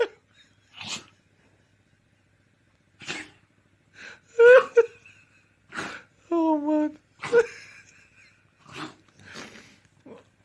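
Several short, sharp nasal bursts from a dog, one with a brief squeaky whine; repeated sneezing.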